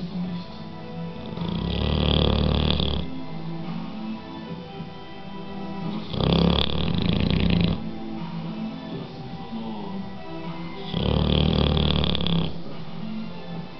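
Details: Sleeping bulldog snoring loudly and regularly, about 13 breaths a minute, coarse rattling on each inhalation, soft music in background.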